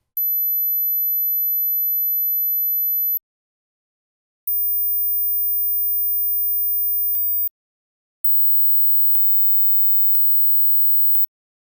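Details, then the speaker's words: High-frequency pure-tone hearing test: two long, very high-pitched tones, the second higher, then faint clicks, with frequencies raised step by step above 8,000 Hz; hearing all of them suggests being under about 20, as age-related loss affects extreme high pitches first. "as we grow older we often lose the extreme ends of our hearing spectrum so how many of the following sounds can you hear how old are your ears"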